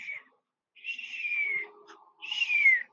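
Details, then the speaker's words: Mouth imitation of an expiratory wheeze in a chest auscultation lecture: high, thin, whistling sounds as air leaves, attributed to bronchoconstriction in smaller bronchi, not secretions. "Entonces, la civilancia es como un silvido en expiración, o sea, el aire entra casi con normalidad. Y al salir así,"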